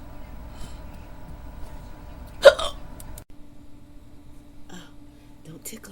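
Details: Staged sleepover role-play: a young woman trying to fall asleep gives one abrupt hiccup-like catch in her voice over a soft hum; she has had hiccups off and on for about 15–20 minutes.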